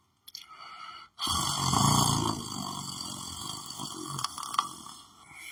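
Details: Adult man lying on the floor of his room, sleeping: a long, loud, rattling snore on one drawn-out breath, with a steady buzzing hum in the background; snoring.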